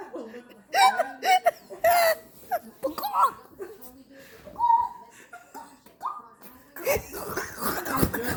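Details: Boy mimicking his aunt's hiccups: sudden, loud, voiced hiccup gulps breaking into bursts of laughter, several over a few seconds; imitated, not real hiccups.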